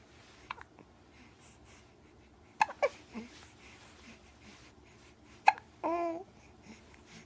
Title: Annoying hiccups 2